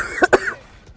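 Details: A short, slightly throaty double cough from a girl who says she has a cold and is coughing a lot, during a gaming stream.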